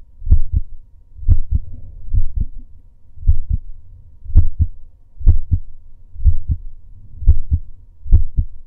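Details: Adult male's own heartbeat during breath holds: a steady two-part lub-dub at about 62 beats a minute, with a soft low background rumble.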